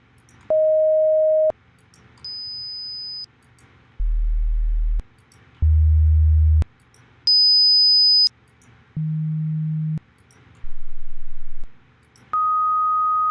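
A series of steady pure test tones at varied pitches and loudness, each about a second long, separated by short pauses, as in a hearing test.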